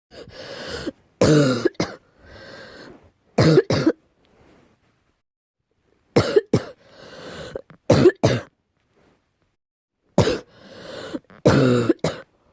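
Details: Deep cough, possibly allergy-related: three bouts of deep, harsh coughing, each a few forceful bursts followed by a throat-clearing breath, separated by quiet pauses.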